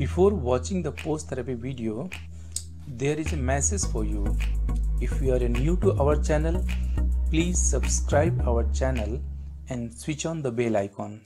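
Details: Adult narrator; normal voice.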